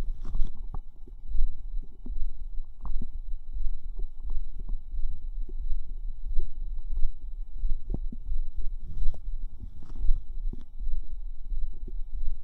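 Irregular low gurgles, bubbling pops and squelches over a rumbling background: active bowel sounds, ordinary gut movement.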